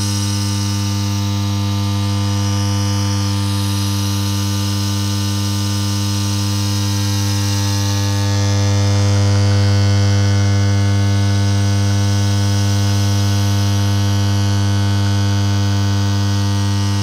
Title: Relaxing Sound That Makes You Fall Asleep Quickly! [ASMR Nebulizer]